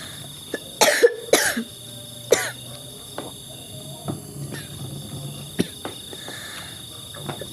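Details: Three or four sharp coughs close together with a throat clear, from the person filming during a home dinner, over soft room noise and faint background sounds; a cough.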